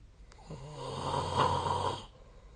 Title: 🐽 本日のイビキ / Snoring Sleep Sound 2025/02/18